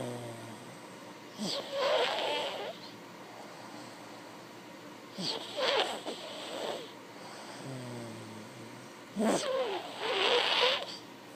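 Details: Three loud, rough, fluttering snores on breathing in, about four seconds apart, with quieter breathing out between them; typical snoring.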